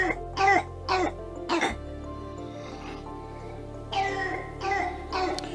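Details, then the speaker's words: Six short, harsh, dry coughs in two clusters from a child. A pediatrician calls it a pharyngitis cough, not serious, not involving the lower airways, needing only warm tea. "но дорогие мои родители поверьте где этот кашель и требует только теплого чая это фарингит на я кашин то есть это не что-то серьезное и захватывающей нижние до дыхательный абсолютно вообще молчал"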